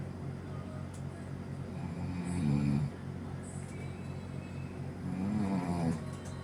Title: #sleep #snoring